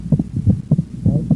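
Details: Physiological splitting of the second heart sound: heart sounds with S1–S2 on expiration and S1–A2–P2 on inspiration, the split from delayed pulmonic closure as more blood enters the right ventricle.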